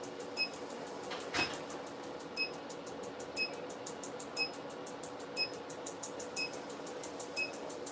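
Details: Harmony ClearLift facial laser demo for collagen remodeling, no pain reported: steady short high clicks or beeps about once a second over low room hum. About 500 pulses on forehead and chin, 1500 per cheek.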